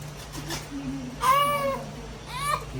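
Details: Brief, thin, rising cries from a 6-week-old baby boy during his vaccination injection, with faint adult voices nearby.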